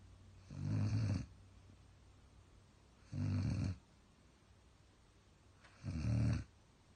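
Three loud, low, rattling snores about every 2.7 seconds, roughly 22 a minute, with quiet breathing between: snoring.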